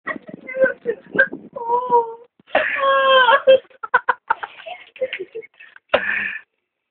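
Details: Young child crying: broken sobbing with whimpers and two drawn-out wailing cries.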